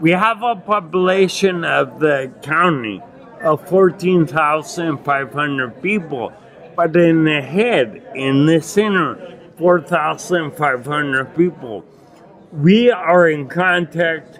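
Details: Adult man with non-progressive acquired ataxia and myoclonus (Lance-Adams syndrome) from brain damage after Legionnaires pneumonia and a 12-day induced coma in 2011; he reports difficulty speaking and articulating and getting winded when speaking; ataxic dysarthria.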